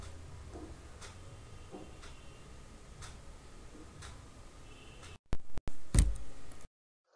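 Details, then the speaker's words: Phonocardiogram lecture demonstration; soft regular low heart thumps about once a second, lub first sound and dub second sound, ending in a brief loud noise; normal heart sounds (S1 and S2). "although it is only the first and the second sounds that are easily heard with the stethoscope these two sounds are traditionally referred to as the lap sound is the first heart sound and the dub sound is the second"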